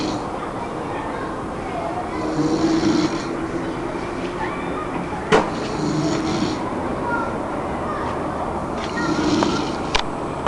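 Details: Soft, low rasping sounds recurring every few seconds over steady background noise, as two people sleep: snoring.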